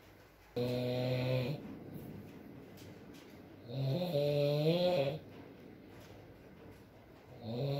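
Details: Adult man (boyfriend) asleep, ASMR recording: loud, buzzing snores on each breath in, about 18 breaths a minute, quiet exhalation between, soft rain in background; snoring.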